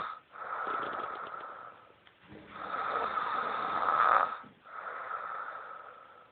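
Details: A person snoring: loud, buzzing snores on each breath, separated by brief pauses.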